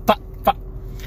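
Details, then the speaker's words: Adult male with Tourette syndrome makes an unintentional vocal tic noise while talking. "but i really do like making unintentional noises at y'all and teaching you all about tourette's syndrome"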